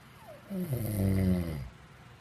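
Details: Adult man, a model and father of two, nasal snoring during a 2011 Brazilian reality show: one loud, low, droning snore lasting about a second, with a rough vibrating tone through the nose.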